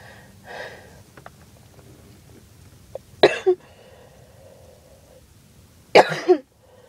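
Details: Person who says they skipped breathing treatments too many times, hoping it is just allergies, with chest pain: two harsh, explosive hacking coughs with strained rough follow-on bursts and wheezy breathing between them.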